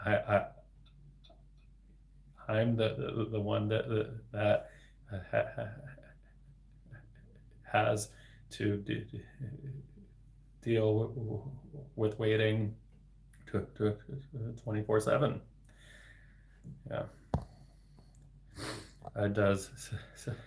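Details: Adult man, a speech-language pathologist, with developmental stuttering, speaking spontaneously in a livestream; word repetitions audible; finding: stuttering.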